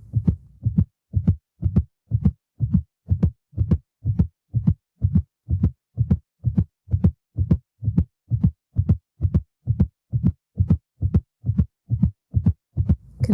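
Simulated Doppler fetal heartbeat, steady whooshing thumps at about 130 to 140 a minute, a normal baseline rate.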